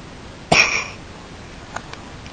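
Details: Female dog who sneezes a lot: one sharp, hissing burst of air over quiet room noise, followed by a faint snort; a dog's sneeze.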